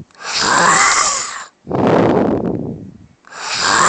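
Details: Loud, harsh rattling snores on both inhalation and exhalation from a sleeping woman, about one breath every three seconds, in a quiet room; heavy snoring.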